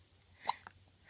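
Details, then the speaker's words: Baby girl with hiccups: a single sharp, abrupt hiccup followed by a faint softer catch, in a quiet room. "Oh, the baby got the hiccups. They're no fun."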